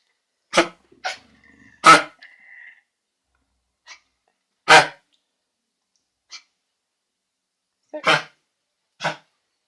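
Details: A dog with kennel cough gives harsh, abrupt bursts of goose-like honking cough: kennel cough (honking cough).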